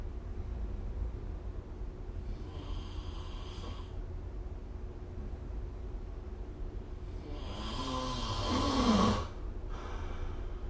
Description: This is the sound of snoring recorded using SnoreLab : Record Your Snoring https://apps.apple.com/jp/app/id529443604